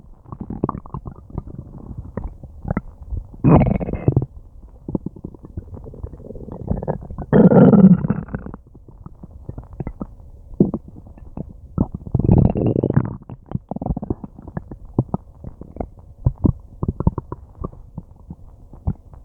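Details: Loud, frequent gurgling and growling stomach and bowel noises with longer rumbling groans, long-lasting after eating something unknown; ordinary bowel sounds (borborygmi) from active digestion.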